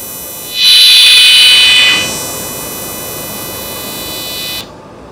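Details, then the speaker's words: Excimer laser firing on a child's eye during flapless AI-based Wavelight Plus InnovEyes laser specs removal; the patient fixates on a green light and is told not to move; a steady high-pitched buzzing tone lasts several seconds. "that how we have finalized the laser pattern and now we are firing it on the eye. Don't move. We are starting the laser. Don't move, kid. The laser is starting."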